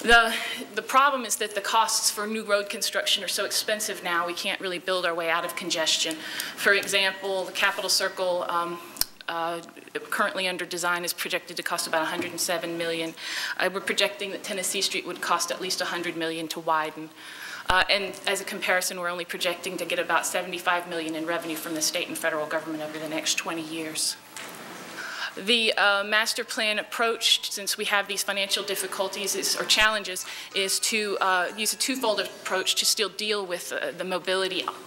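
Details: Vocal tremor in an adult woman who states she has a vocal tremor; real, not acted.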